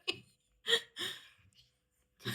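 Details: Cat gives a quick run of about four short, sharp, high-pitched sneezes in a small quiet room; owner jokingly wonders if it is an allergy; sneezing.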